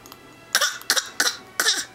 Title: Coughing fit